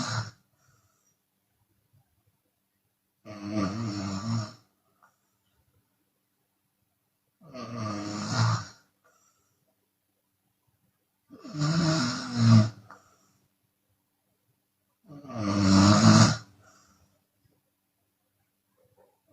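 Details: Open-mouth snoring from a Chinese woman during sleep, sometimes on exhale: loud, rough snores in long bursts about every four seconds, roughly 16 a minute, with quiet pauses between.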